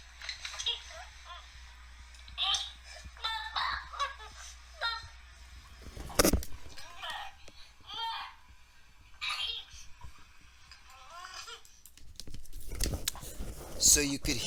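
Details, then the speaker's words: Recording of a small child with whooping cough (pertussis), paroxysmal stage: rapid staccato bursts of coughing followed by high-pitched inspiratory whoops. "A small child with whooping cough."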